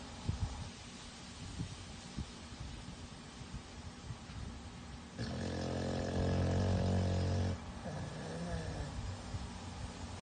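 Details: American Bully dog sleeping in his crate, with a low, rattling, vibrating snore building over a couple of seconds over soft background rumble; snoring.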